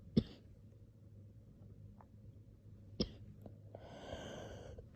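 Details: A person coughing: two short, sharp single coughs about three seconds apart, then a longer drawn breathy sound over a low steady room hum.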